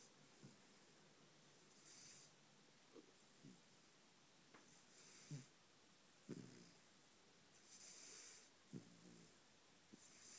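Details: Sleeping puppy dreaming and snoring: soft snuffling snores and small snorts in a quiet room.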